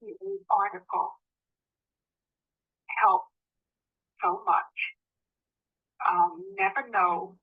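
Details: Woman with the agrammatic subtype of primary progressive aphasia, linked to peak atrophy in Broca's area, with impaired syntax and word order and no dysarthria.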